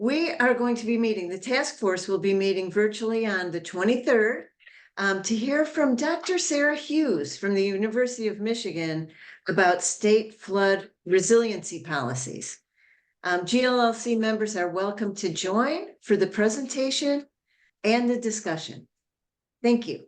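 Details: Adult woman speaking; normal speech.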